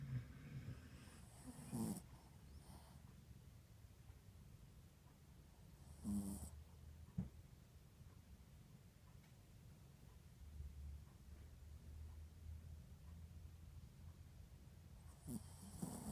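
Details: Yorkshire terrier snoring while asleep: quiet low rumbling breathing with a few louder snorting breaths at irregular intervals.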